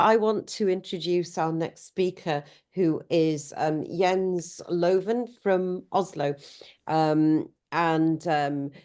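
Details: Adult woman speaking; Normal speech.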